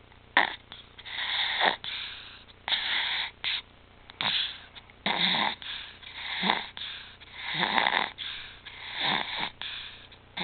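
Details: Infant whose apnea, stridor and retractions have returned after two good months, now back on apnea and pulse-oximetry monitors: rapid, irregular, harsh noisy breaths, stridor with labored breathing.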